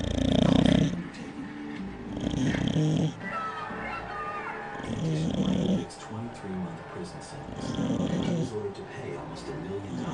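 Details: Two bulldogs, one big and one small, snoring while asleep in their crates during an afternoon nap. Rough, rumbling snore bursts come every few seconds. The owner notes this is a fairly soft snore for them, as they are usually much louder.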